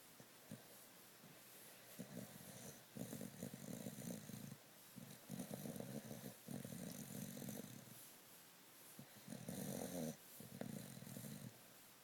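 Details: Sound asleep and snoring: soft, low rumbling snores in irregular runs, with quiet gaps and faint room noise; light snoring.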